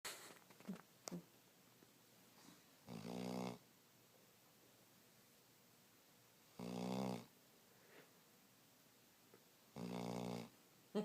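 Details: Mabel, a dog, snoring: three loud, buzzy, rattling snores spaced by quiet pauses in a quiet room, about one every three to four seconds.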